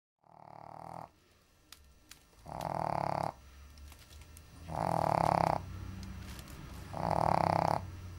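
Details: Shih Tzu sleeping on the floor during a heat wave: loud, rough, grunting snores about every two seconds, roughly 27 a minute; snoring.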